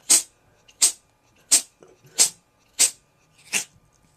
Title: Cute Cat Sneezing Attack